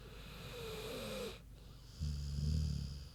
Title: Big Pig Snoozin' (HD Queenie Snoring Audio)